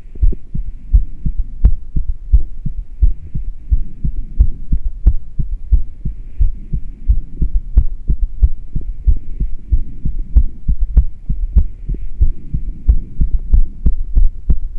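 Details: Rapid low thumping heartbeat, about 90 a minute, recorded while breathing into a plastic bag through a straw with no fresh air, after about ten minutes of intermittent rebreathing.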